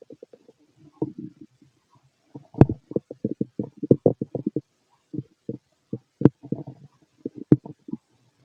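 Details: Empty-stomach bowel sounds (borborygmi): clusters of short gurgles and bubbling pops with brief quiet gaps.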